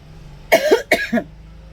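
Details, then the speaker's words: Two quick, harsh cough bursts in a quiet room from an adult who choked while talking while eating spicy tteokbokki, painful, leaving the face red. "cuman tadi pas batuk itu pasti sakit banget karena itu pedas ya nih mukaku sampai merah"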